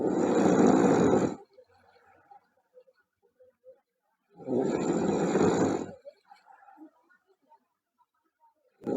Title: Loud Snoring Girl